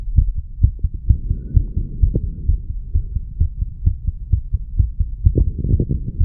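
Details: Heart sounds recorded at the mitral area of a 34-year-old male after smoking nicotine and "green stuff"; he notes a slight change in heart rate and heart sound.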